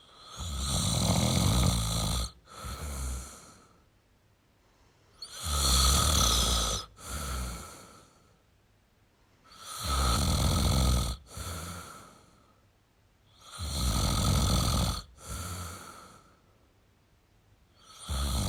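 Heavy, rough snores with a brief catch and a second softer snort on each breath, about 14 breaths a minute.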